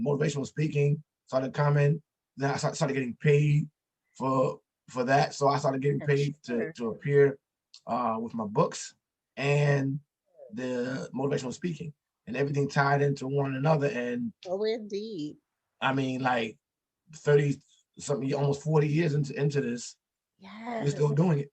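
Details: Stuttering in an adult man, an author and motivational speaker, who says he stutters and that it could be heard.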